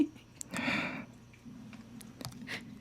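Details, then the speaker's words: Low, gurgling rumbles with a few soft clicks from an adult's stomach; the speaker says they got hungry: stomach growling (borborygmi). "You guys hear my stomach? I got hungry. You guys hear that?"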